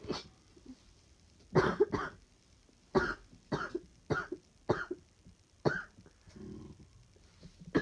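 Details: About eight short, partly stifled coughs, some in quick pairs, in real time during a flu illness with a stifled sneezing fit, severe fatigue and little sleep.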